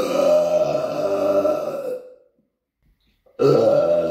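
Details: Person in an apartment: two long, loud, rumbling belches, the first lasting about two seconds, separated by a short silence; burping.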